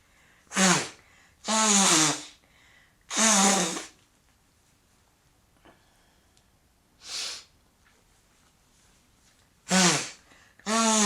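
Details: Sneezing at the gym after a workout, cause unknown (possibly an allergy to dander, pollen or grass). Repeated voiced sneezes, about five in eleven seconds, each loud and drawn out with quiet pauses; a sneezing bout.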